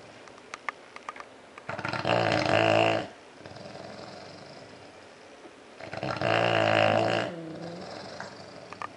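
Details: Two sleeping bulldogs snore very loudly, with harsh rattling snores on each in-breath and quieter breathing between, about 14 breaths a minute.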